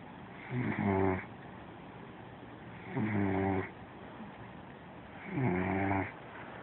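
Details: Regular, loud, rattling snores, about 25 a minute, each breath a rough buzzing drone; steady snoring.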